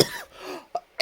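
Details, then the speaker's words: Adult awake at 2:55 a.m., reporting heavy breathing from a cough and a runny but not blocked nose: one short harsh cough, then a second cough starting, in a quiet room at night. "gimana rasanya itu agak sedikit berat ya di nafas karena batuk dan hidung berair batunya ini"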